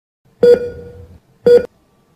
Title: EKG Heart beat